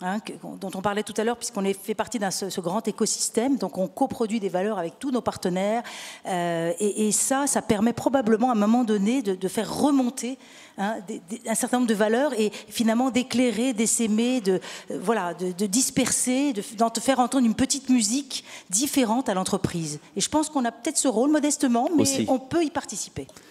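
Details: Adult speaker, panel discussion; normal voice.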